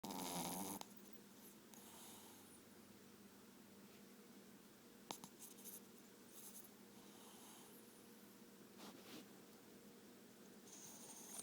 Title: Dog REM sleep snoring